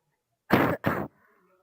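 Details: Girl with a bad cold and a very sore throat: two quick, loud, harsh coughs back to back, then quiet.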